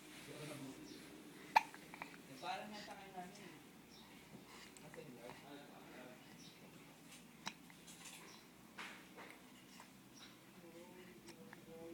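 Quiet room with soft voices and a few sharp, brief catching sounds at irregular intervals, consistent with hiccups.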